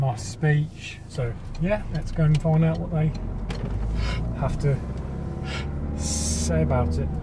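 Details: Adult man, a recovering stammerer who has completed the Starfish stammering course; stammering (stuttering).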